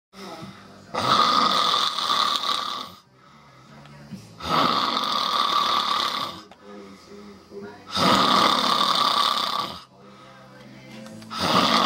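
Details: Adult man snoring loudly while asleep.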